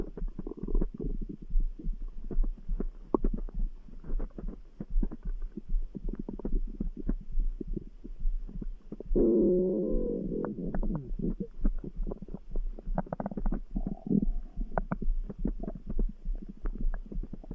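Gurgling, rumbling bowel sound over a soft, steady background heartbeat; ordinary stomach growling.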